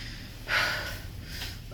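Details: Adult at 3 a.m. after a friend's birthday party, feeling drunk and very tired: a single sharp, harsh nasal snort in a quiet room, followed by quiet breathing.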